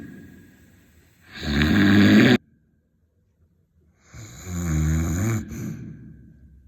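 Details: Heavy snoring: loud, rough snores with a vibrating, buzzing quality and a silent pause between breaths.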